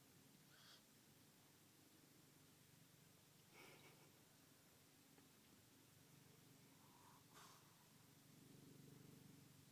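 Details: Sleeping dog after a day of walking and eating makes faint, quiet snuffling snorts about every three seconds, ending in a low buzzing breath: snoring.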